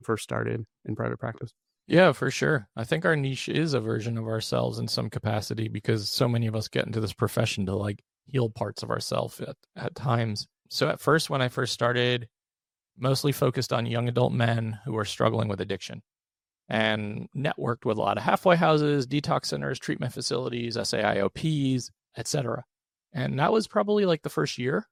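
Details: Adult male with a rare chronic recurring throat condition; endoscopic surgery 2021, open throat surgery 2022 left one vocal cord paralysed; voice improved after extensive speech therapy but still vocal fry, tires daily; finding: vocal fry from unilateral vocal cord paralysis.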